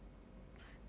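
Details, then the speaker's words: Young woman's soft, low rumbling stomach gurgle while she says she is very hungry, picked up by an iPhone: a normal hunger growl (borborygmi). "お腹グーグーきてきゃー。お腹からもいい音を奏でる。"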